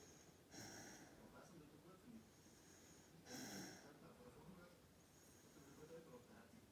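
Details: Sleeping fox-red Labrador puppy: soft, irregular snorting and snuffly breaths with a couple of louder nasal snorts; snorting in sleep.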